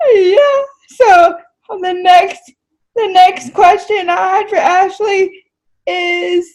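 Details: Dysarthric speech in a woman with cerebral palsy who uses a wheelchair; finding: dysarthric speech in cerebral palsy.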